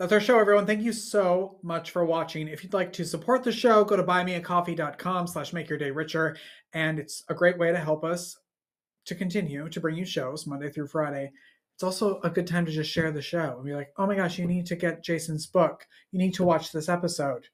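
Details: Adult speaker; normal speech.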